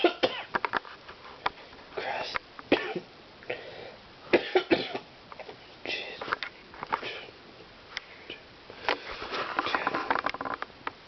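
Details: Adult man coughing in his sleep: several short, sharp cough bursts and throat clearing mixed with brief sleep-talking in a small room, which was concerning at first.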